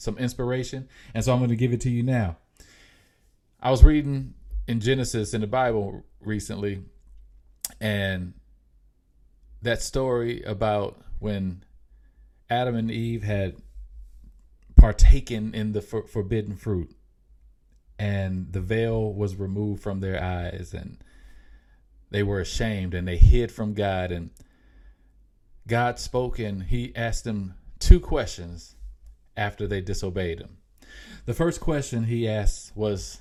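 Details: Mild, self-reported stuttering in an adult male podcast host, who says it can be heard in his speech.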